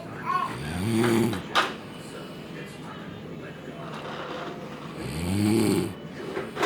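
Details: Sleeping adult man passed out after heavy alcohol drinking; partner suspects sleep apnea with brief breathing pauses. Loud, rattling snores on each in-breath, roughly every four to five seconds, quiet room noise between; snoring.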